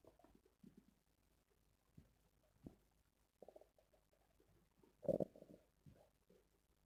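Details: Stomach growling (borborygmi): soft gurgling and rumbling bursts with one louder squelching growl near the end.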